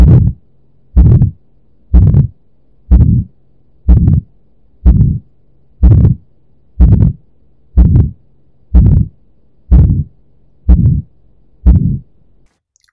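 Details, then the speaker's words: Regular heartbeat near 62 a minute with a rushing crescendo-decrescendo systolic murmur swelling and fading: ejection systolic murmur of valvular aortic stenosis, contrasted with the late systolic murmur of mitral valve prolapse. "please do not confuse it with ejection systolic murmur which is a crescendo decrescendo murmur heard in the phase of valvular a otech stenosis"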